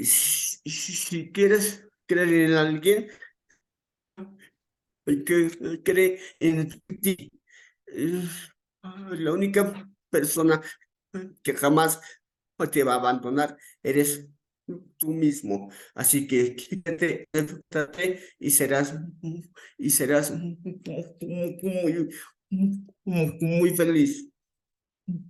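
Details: Stuttering in an adult man, onset around age 7 and more noticeable from about age 11; he says it is uncontrolled on the day of the talk; real speech with repetitions.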